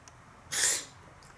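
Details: A cat that can't stop sneezing: a single short, sharp, hissing sneeze.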